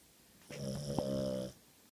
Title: Snoring Boston Terrier